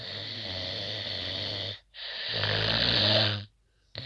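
Two long, loud, harsh rattling snores with a brief pause between them, typical of heavy snoring.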